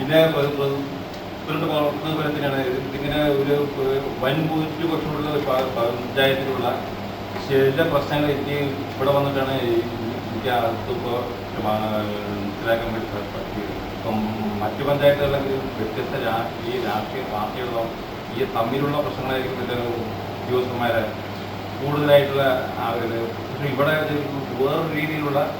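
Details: Adult man giving a speech; stuttering.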